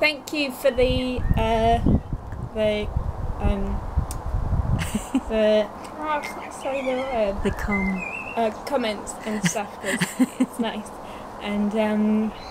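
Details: Young woman two years after a stroke at age 18, with Broca's aphasia affecting speech, reading and writing: Broca's aphasia.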